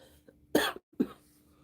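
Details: Adult woman with bronchitis, having big coughing fits: two coughs in a quiet room, the first longer and harsher, the second shorter; cough in bronchitis.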